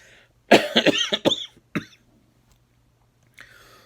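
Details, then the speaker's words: An adult with seasonal bronchitis from pollen allergies and postnasal drip, with difficulty breathing and a minor wheeze, gives a quick run of about five or six harsh coughs, then a faint breath; not an infection. "It's seasonal bronchitis. Due to my allergies, I get postnasal drip, which gets into my lungs, and then it causes the seasonal bronchitis where I have difficulty breathing, so I cough."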